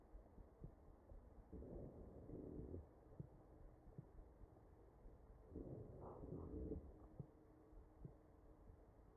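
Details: Real mechanically ventilated patient's chest heard through an electronic stethoscope: ventilator breaths with wheezing.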